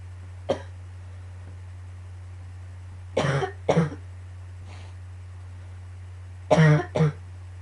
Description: yet again with the coughing fits...grrrr